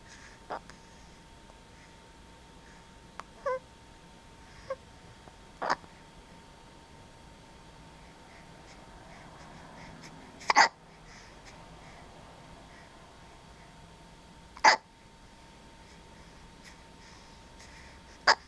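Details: Sleeping cat: brief sharp clicks and soft chirps recurring irregularly over quiet breathing and room hum; hiccups.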